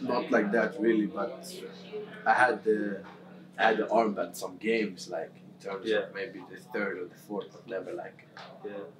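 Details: Adult male who has stammered since about age six, with severity varying from day to day; stammering.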